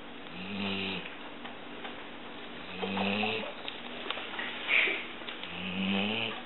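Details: Yellow Labrador snoring while sleeping with eyes open: rhythmic, low buzzing snores on each breath, about 22 a minute, over steady room noise.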